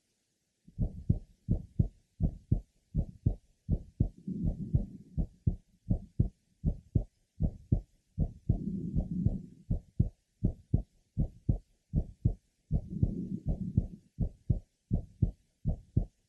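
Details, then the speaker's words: Woman eight months pregnant, third left sternal border. Heartbeat near 80 a minute with an innocent grade 3 short early-to-mid systolic murmur of pregnancy. "listen to her innocent systolic mer it is grade three intensity it is short occupying early to mid sisterly"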